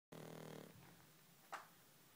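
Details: Sleeping dog snoring: a short rattling, fluttering inward breath followed by a brief snort.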